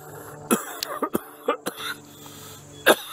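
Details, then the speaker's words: Adult with recent breathing difficulty gives a short run of about six abrupt coughs and throat-clearing sounds outdoors, choking up and gasping for air; speaker suspects sky spraying is the cause. "As you can hear me, started gasping for air a few minutes ago."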